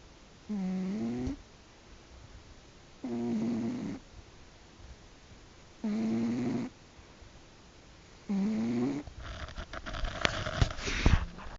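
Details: Four regular, tonal, buzzing snores at about 24 a minute from a sleeping pet, followed by rustling handling noise; snoring.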